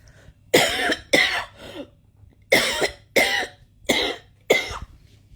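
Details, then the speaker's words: Adult woman in bed, coughing for several nights, which she attributes to electronic torture and first thought was dust irritation from electric heating: repeated harsh dry cough bursts, about seven in five seconds; persistent cough. "It's like that I always get really bad coughing fits. But again, that's because of the electronic torture."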